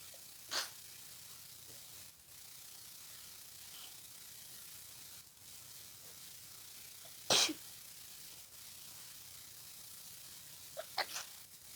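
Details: Three sharp sneezes spread over about eleven seconds against a steady hiss: repeated congested sneezing during a head cold, with nasal tickling all day, dizziness and headache from sneezing.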